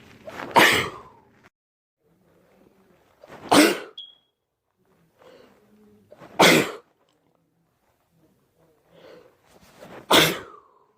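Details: Person with allergies sneezing on their birthday: four forceful sneezes about three seconds apart, each with a short breath in before it; repeated allergy sneezing.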